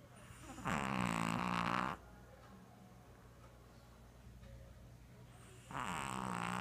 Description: My dog named Hatchi- one of the the loudest 'snoring' dog out there :).